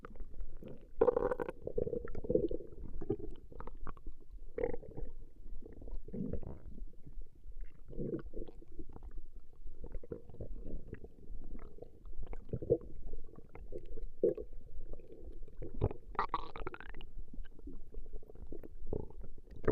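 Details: Stomach growling (borborygmi) in a woman, from a 20-minute recording: low gurgling rumbles and squeaky bubbling bursts from gas and fluid moving through the gut.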